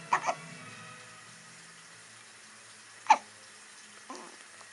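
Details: Five-day-old newborn, first time with a soother: three brief, sharp gulping catches a few seconds apart over quiet room noise; hiccups.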